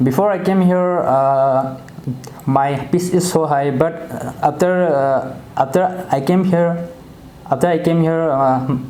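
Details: 22-year-old man with stammering since childhood, recorded before treatment; clinician also notes loudness and pitch issues; stuttering.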